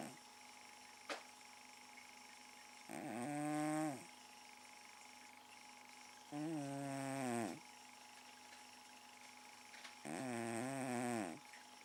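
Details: Garfield the cat, sleeping in the living room, snoring with soft, buzzy snores on each breath, about 16 a minute, over a quiet room hum; often snores all night long.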